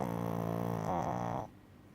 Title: Lazy snoring dog